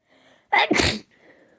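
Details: Single loud sneeze: sharp intake of breath then a forceful burst of air, in a quiet room; sneezing.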